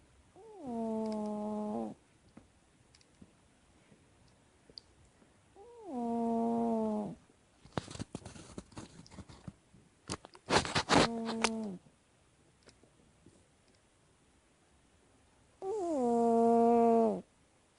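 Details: Cat snoring during sleep: four steady, tonal, whistling snores, about one every four to five seconds.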